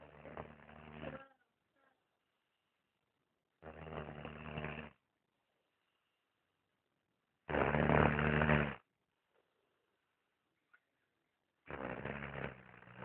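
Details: 9-year-old boy snoring loudly while asleep: regular, rasping snores about one every four seconds, with silent gaps between; heavy snoring.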